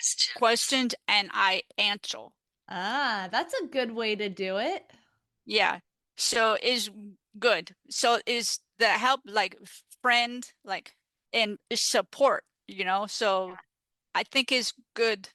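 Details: Adult woman with aphasia after stroke, a peer-support advocate; finding: aphasia.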